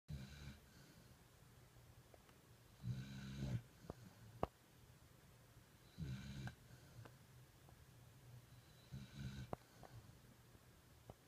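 Steady snoring from a sleeping puppy, about four rumbling breaths in eleven seconds, with small clicks between.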